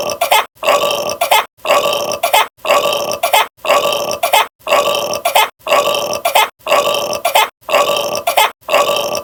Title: HOW GET A YIN BURPS AT YANG